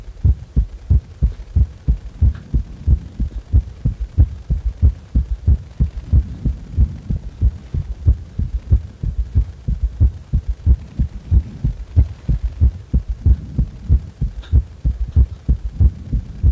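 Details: Heart sounds recorded while resting lying on the back: steady, regular heartbeat thumps at about 92 a minute; normal heart sounds.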